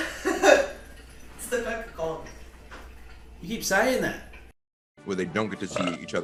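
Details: Compilation of wrestlers burping: several loud, drawn-out rumbling belches from adult men, cut together from different recordings.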